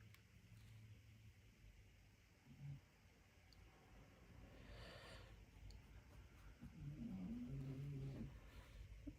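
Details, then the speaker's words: A sleeping Shih Tzu snores with quiet, low, rumbling snores and a breathy rush between them, heard over faint room noise during a watercolor painting session. "Can you hear the snoring Shih Tzu? He's back."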